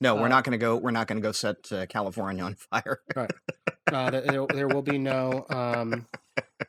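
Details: Adult male podcast co-host who says he has a recurring stammer; stuttering.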